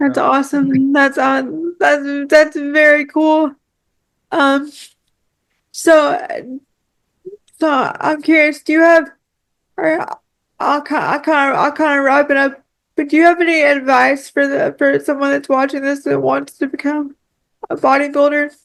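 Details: Woman with cerebral palsy; frequent word and phrase repetitions; dysarthria (cerebral palsy).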